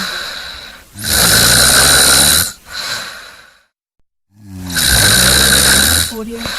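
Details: Stock sound-effect recording of snoring: loud, harsh rattling breaths repeating with pauses between them; heavy snoring.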